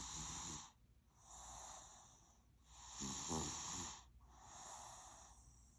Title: THREE YEARS OLD SNORING LIKE AN OLD MAN #funny #baby #snoring